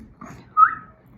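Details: A single brief, high whistling sound bursts out against quiet room noise: an involuntary whistling vocal tic of Tourette syndrome in an adult during an interview on tic suppression.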